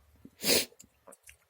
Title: Powerful allergic sneezes 🤧